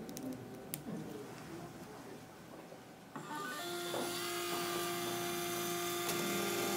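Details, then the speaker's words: Dental implant placement for a 3.75 × 13 mm MIS C1 implant: after the pilot drill, the 3.0 mm twist drill starts running to 13 mm depth, a steady high whine following quiet room sounds. "I can test my depth using the body try in next up is the 3.0 millimeter diameter twist drill"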